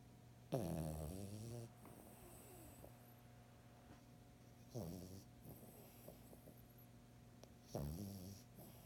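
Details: Three snorting, rattling snores on the in-breath, spaced several seconds apart with quiet breathing between; ordinary snoring.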